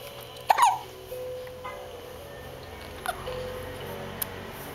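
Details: Snoring-free hiccups from a 9-week-old baby: two abrupt, short hiccups about two and a half seconds apart over soft background music.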